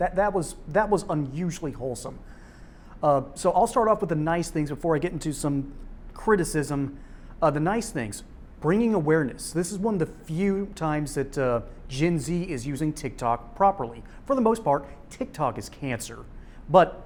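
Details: Adult male speaker; normal speech.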